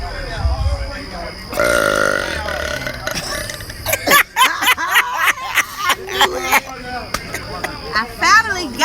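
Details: Woman deliberately burping in public in a Mexican restaurant: a long, drawn-out voiced belch followed by talk and laughter, with music in the background.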